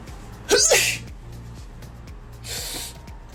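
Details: Person doing a self nasal swab Covid test who keeps sneezing and finds it painful: one forceful sneeze, then a softer second burst, over background music; a sneeze.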